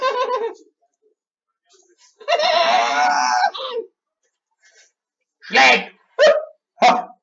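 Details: Vocal tics in a gamer with Tourette syndrome, strange noises recurring during gameplay commentary.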